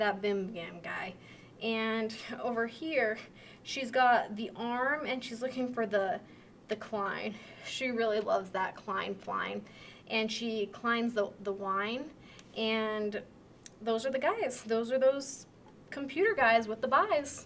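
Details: Moderate Wernicke's aphasia, an acquired language disorder with impaired comprehension; picture description with fluent but meaningless speech full of made-up words (jargon); Wernicke's aphasia (fluent jargon speech).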